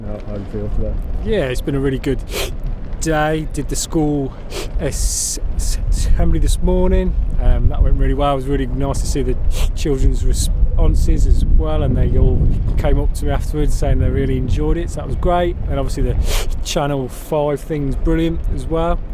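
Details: Stammering (stuttering) in an adult man who describes himself as a person who stammers.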